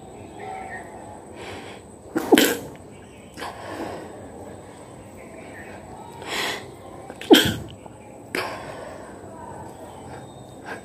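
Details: Performed nose-blowing and sneezing challenge: two forceful, acted sneezes with several breathy nose-blowing and sniffing bursts between them; deliberately performed sneezing.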